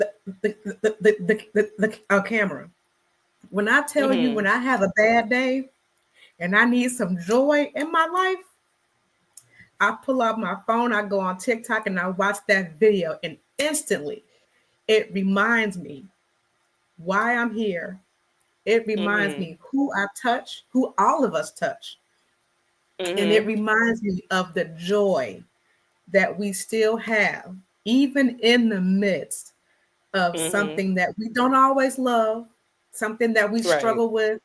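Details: Adult woman who describes herself as a person who stutters; word and phrase repetitions are heard. Stuttering.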